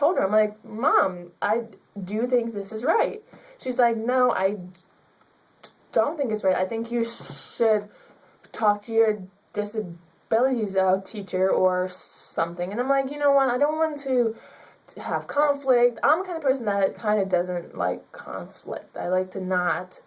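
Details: Young woman student with stuttering; she is given extra time in class because of it, and her public speaking teacher limited her grade to a C because of her stuttering.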